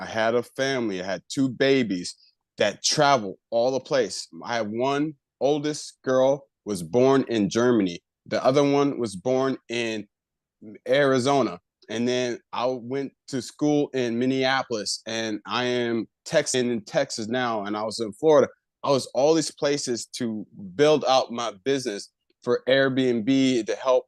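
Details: Adult man with aphasia after a left-hemisphere stroke about a year earlier, still recovering, with word-retrieval difficulty; aphasia.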